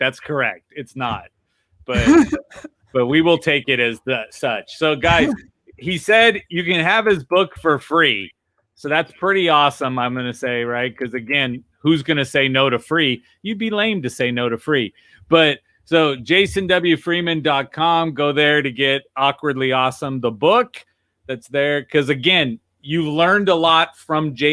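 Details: Adult man speaking; typical speech.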